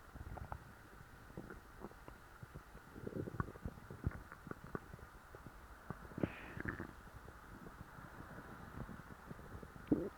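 Soft, irregular low gurgles and brief squeaky rumbles over quiet background: stomach growling from a full stomach.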